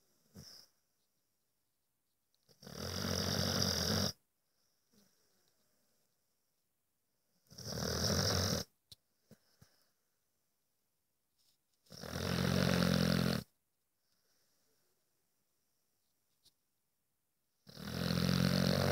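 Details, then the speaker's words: Sleeping dog snoring loudly: rasping snores about 13 a minute, each over a second long, with quiet gaps between; the owner says it goes on like this all night; ordinary snoring. "That's what it's like all night. Just"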